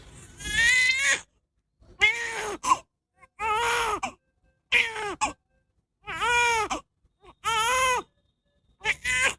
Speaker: First of all, we're going to listen to this baby cry. Take note of what's happening in the baby's torso when this baby is crying.